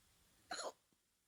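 A single abrupt, noisy catch of breath in a quiet room, consistent with one hiccup.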